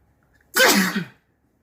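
A single loud, wet, explosive sneeze after a quiet lead-in.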